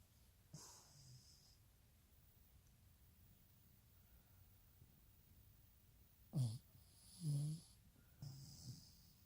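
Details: 14-year-old Puggle asleep, snoring with low rumbling snores, snorting inhalations and a few quiet pauses; snoring.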